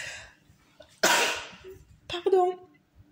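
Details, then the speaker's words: Sneeze from an adult with an itchy nose, with the urge to sneeze again afterward. "comme à chaque fois que je fais une crise d'éternuement ou un éternuement tout court"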